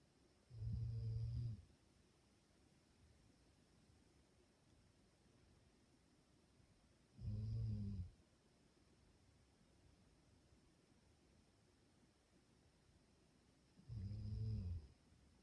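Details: Dog sleeping and snoring peacefully: three low, soft snores roughly every seven seconds, about 9 breaths a minute.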